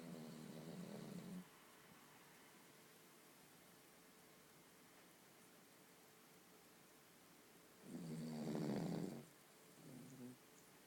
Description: Arthur the Cavalier snoring like a drunk